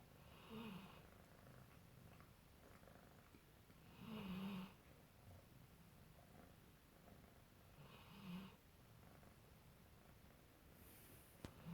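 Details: Sleeping Labrador snoring while a kitten plays with him: quiet, low rattling snores about one every four seconds over steady room noise.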